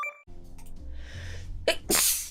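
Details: VTuber sneeze from a livestream highlight clip: a quick catch of breath followed by a sharp, loud sneeze, over soft background music.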